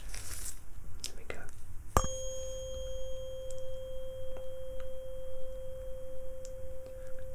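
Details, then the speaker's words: Simulated Rinne test in a roleplay cranial nerve exam: a struck tuning fork rings with a steady pure tone that slowly fades, held behind the left ear to compare loudness. "now I want you to tell me quite simply which is louder position one or position two can you do that for me"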